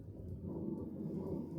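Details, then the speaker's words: Fetal heartbeat on a monitor during labor after spontaneous onset, in hospital: a low whooshing rumble with faint rhythmic pulsing. The baby boy is head down, and his heart rate rose when spoken to through the belly. "I know it's wild and even in the background you can hear that's heartbeat."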